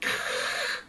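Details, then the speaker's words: Adult snoring more pronounced than gentle snoring, as if not getting all the air in: imitated harsh, strained snore with forceful noisy inhalation, in a discussion of sleep apnea; snoring with restricted airflow. "some people snore more pronounced and you can feel like when they're snoring they're not getting all the air in it's"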